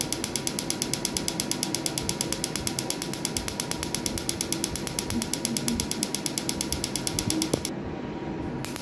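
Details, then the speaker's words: Pico laser firing during a woman's first tattoo-removal session on a large, densely inked, embossed tattoo under numbing gel, set to reach 2–3 mm deep: a rapid, steady train of sharp snapping clicks, about 100 a minute, over a constant hum. "This laser, we have set the parameter so that the light energy should go at least 2 to 3 mm down the skin, but still the deposit of color is so much that response is less as compared to other lighter tattoo."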